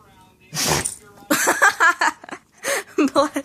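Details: Dog sneezing on its owner: a sharp burst of breath, then an adult talking nearby.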